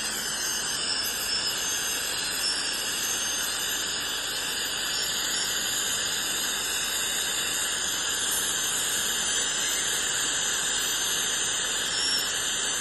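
Steady high-pitched hiss and whine from dental cleaning instruments, continuous throughout: scaling and air-polishing during a routine hygiene cleaning.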